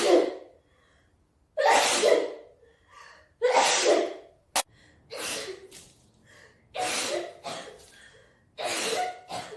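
A run of sharp, hissing sneezes, some preceded by quick inhaled gasps, about six in ten seconds; repeated sneezing.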